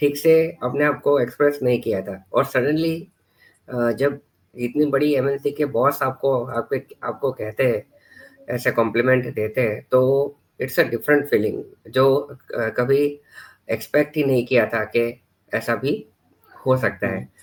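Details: Stuttering in a 41-year-old man, severe since childhood, who took stammering therapy six years ago and says he still stammers about 20% of the time; uses breathing and pauses while speaking.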